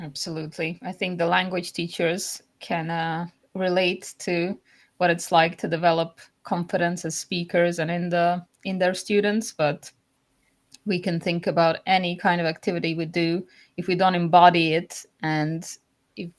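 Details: Adult woman speaking; normal fluent speech.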